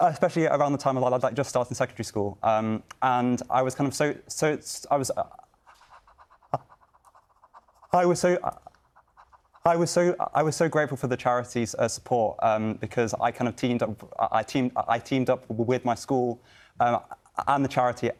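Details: Stammering in a young adult medical student who lives with a stammer and sits on a youth panel for a stammering children's charity; repetitions, fillers and blocks.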